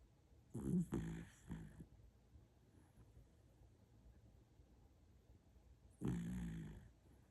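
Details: Sleeping dog (tagged puppy) snoring: low, rumbling snorting breaths, two snore episodes several seconds apart in a quiet room.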